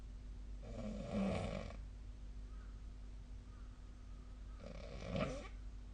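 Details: Snoring during sleep, a nightly recording, possibly made with a snore-tracking app.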